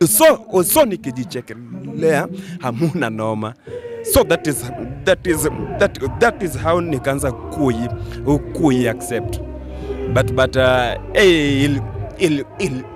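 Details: Adult male comedian who stammers, with onset in class 2 at school; stuttering.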